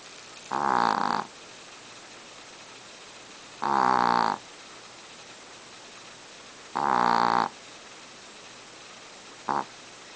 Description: teaka the famous chihuahua snores while in a deep sleep. lots of noise for a little dog!